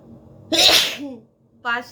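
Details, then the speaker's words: Adult woman's deliberately provoked sneeze, nose tickled with a stick during a 10-sneeze challenge: single loud, explosive sneeze with a sharp burst of air, then a brief voiced sound. "চলো, কটা হাঁচি আমি দিতে পারি দেখো। 10টা তো বললাম তোমাদের। তা আমি জিতবো না হারবো সেটারই পরীক্ষা।"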